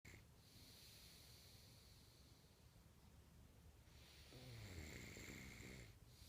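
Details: Sleeper snoring, recorded in 2014: rough, rattling breathing noise strongest on the breath in, with a softer quiet phase between; ordinary snoring.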